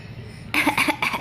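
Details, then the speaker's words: Child asked to show a "bad cough" gives a short run of about three dry, forced coughs on request; imitated cough, not spontaneous. "show me bad cough where's your bad cough where's your bad cough huh"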